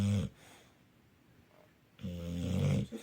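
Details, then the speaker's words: 9-year-old male English bulldog asleep on a sofa, refusing food and moving with difficulty outside: loud, deep, rattling snores, two buzzing breaths separated by a quiet pause; heavy snoring. "Et là, il dort depuis tout à l'heure. J'essaie de lui donner à manger, il veut pas. Par contre, je pense que vous entendrez, il ronfle hyper fort."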